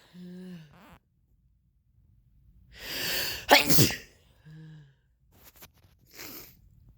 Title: Red wine sneezes